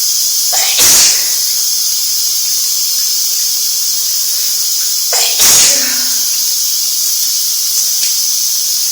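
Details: Two forceful sneezes, each with a quick intake before the burst, over the steady hiss of running shower water; a big cold sneezing fit leaving a sore nose.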